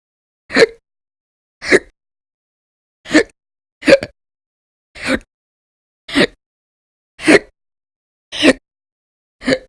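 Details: Persistent hiccups recorded as audio only: sharp, abrupt, violent, loud gulping bursts about 53 a minute with silence between.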